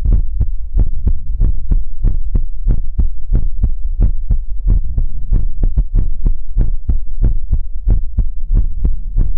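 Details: ASMR livestream heartbeat sound for relaxation: close, loud, steady muffled low thumps at about 95 beats a minute with a faint hum behind; heartbeat.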